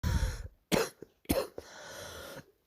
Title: night coughing